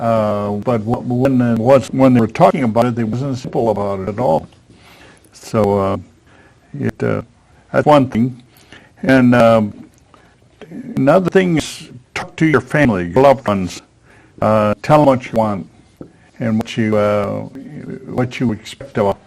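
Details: Man aged 73 at his stroke, with post-stroke aphasia, a former professional attending an aphasia conversation group for support and communication practice; real patient speech showing aphasia.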